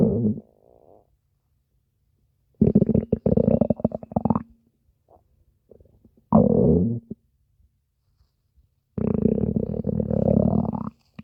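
Long, loud gurgling and rumbling bursts separated by silence: stomach growling from gas and fluid moving through the gut.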